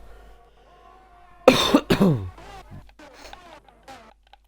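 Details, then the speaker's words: Cough from an adult live-stream commentator who has some kind of cold and keeps coughing while he talks. "yeah I'm gonna apologize because I sound like and I keep coughing but I apologize for that as well"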